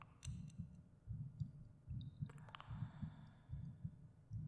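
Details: Soft regular heartbeat at about 74 beats a minute, recorded as a binaural ASMR meditation soundtrack, with faint clicks and light tones in the background; normal heartbeat.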